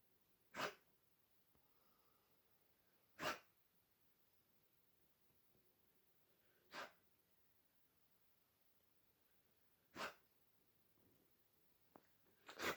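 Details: 6-month-old puppy in the UK with kennel cough: five sharp, dry, explosive cough bursts a few seconds apart.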